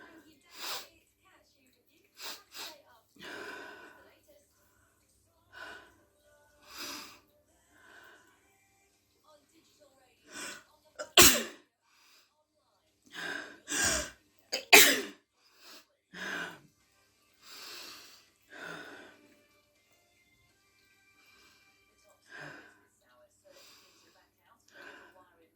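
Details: Repeated loud, sharp sneezes from an adult female, with sniffs and softer breathy sounds between them, induced by chhinkni sneezing powder.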